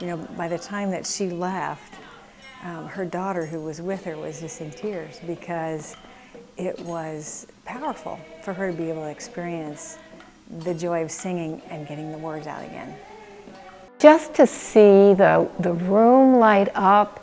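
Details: Adult woman speaking; no speech disorder.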